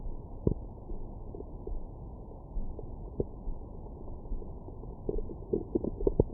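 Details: Stomach growling (borborygmi) after breakfast, recorded by the person themselves.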